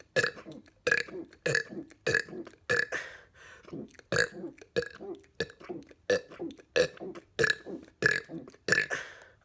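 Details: Deliberate belching during a 200-burp challenge: repeated loud, croaky belches, about fifteen in nine seconds, in a steady string.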